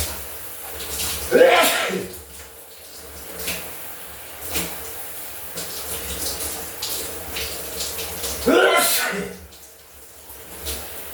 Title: Sneezing in the Shower